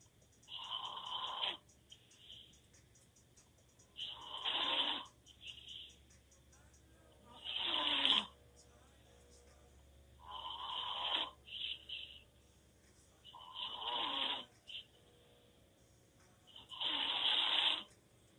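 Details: Adult man (boyfriend) sleeping with mouth open: loud, harsh open-mouth snores on each inhalation, about 18 per minute, quiet gaps between; snoring.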